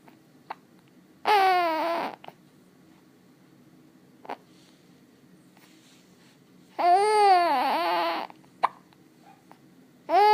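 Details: Infant with spit bubbles and hiccups: brief, sharp hiccup sounds between longer infant vocal sounds in a quiet room. Infant hiccups.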